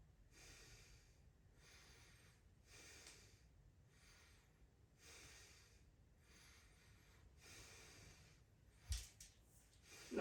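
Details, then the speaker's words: Stethoscope at the posterior chest during deep breaths, male, respiratory rate 14, non-laboured: soft steady breath sounds, clear bilaterally, no crackles, wheezes or rhonchi; normal vesicular breath sounds. "I don't hear any adventitious bread sounds uh no crackles no wheezing uh no ronai"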